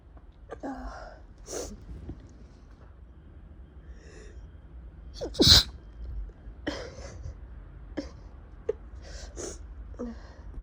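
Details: Person recovering from a cold with runny, irritated nose, who sneezes repeatedly on waking or in warm rooms: several sharp sneezes in quick succession, one loud, with sniffing and breathing between; messy repeated sneezing.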